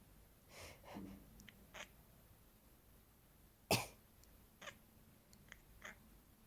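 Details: Several short, harsh cough bursts, one much louder, in a quiet room with faint cat sounds; a cat reacting to the coughing.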